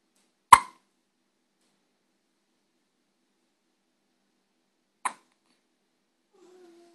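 Two abrupt, sharp hiccups about four seconds apart in an otherwise silent recording.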